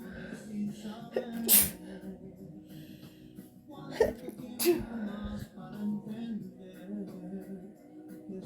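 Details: Two sharp, explosive sneezes about three seconds apart in a sneezing attack, heard over background music; sneezing.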